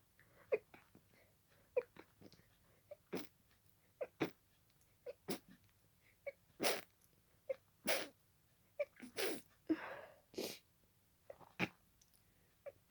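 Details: Paroxysmal sneezing fit, a continuation of an earlier fit, lasting about 20 minutes at this speed: a rapid run of about ten sharp sneezes in under thirteen seconds with quick catch breaths between them.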